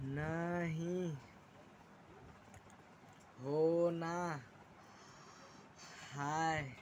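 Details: 16-year-old boy with self-reported stuttering (stammering), speaking while demonstrating his own fluency techniques, such as pausing after each word and speaking with airflow: stuttering.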